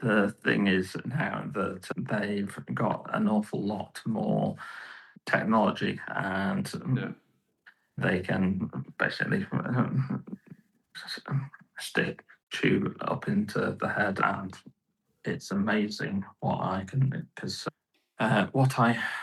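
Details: Aphasia in a male stroke survivor about 15.5 years post-stroke, with right-sided weakness; he could not talk at first and has improved year by year; he cannot read or write but speaks reasonably well.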